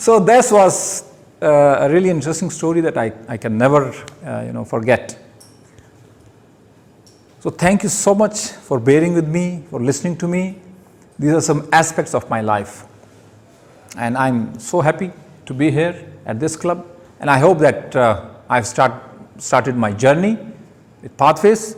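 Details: Stuttering with word repetitions in an adult male giving his first public speech at a Toastmasters club.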